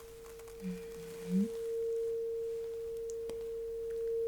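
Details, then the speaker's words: Simulated ASMR cranial nerve exam roleplay: a struck tuning fork is held on the bone behind the ear, and the listener reports when the vibration stops. A steady pure hum is heard, as in a bedside hearing test. "So, now let me use this turning fork. Do you know what it is and how I supposed to use it? Well, so what I'm going to do is to put it right behind your ear."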